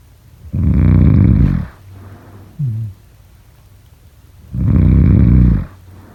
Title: #snoring #sleepnoises #snoringasmr #snoringsleepingsoundeffect #snoringsounds